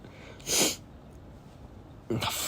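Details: Sneezing from pollen allergies (allergic rhinitis): two loud, explosive sneezes with a short pause between them, in a quiet room.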